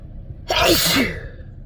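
One sudden loud explosive burst of breath, lasting under a second; a single sneeze.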